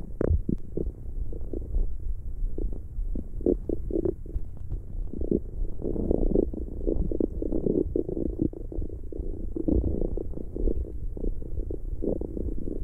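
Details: ASMR recording of stomach growling: low gurgling and bubbling rumbles that come and go, from gas and fluid moving through the gut.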